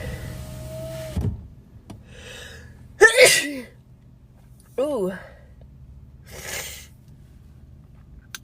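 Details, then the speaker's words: A girl with bad allergies and swollen eyes sneezes while driving. A sharp sneeze after a short inward breath is followed by a voiced groan and a breathy exhale over car engine hum. "just let that one spray and it feels so good. Like right there, hear this feeling like ah!"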